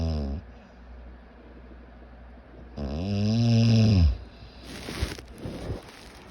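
A loud, low, rattling snore on the in-breath, followed by a noisy out-breath, with steady room hum behind it.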